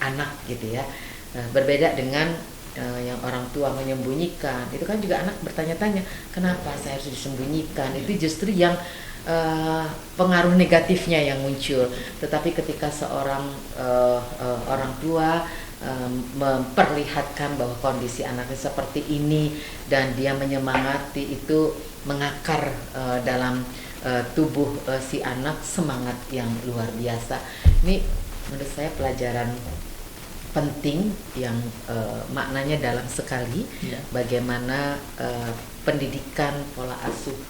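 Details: Adult speaker, podcast host; normal adult speech.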